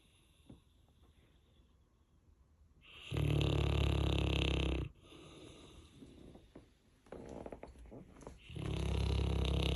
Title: Saint Bernard Deepest Sleep Loudest Snore